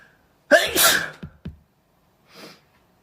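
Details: Messy sneeze: a sudden wet, spluttering single sneeze, followed by a couple of short snorts and a faint breathy sniff.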